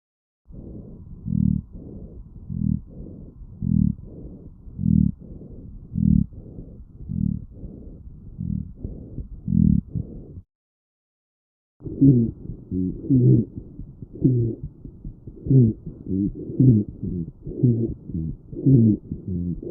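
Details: Lung sounds with low-pitched rumbling, snoring-like sounds recurring with each breath; rhonchi.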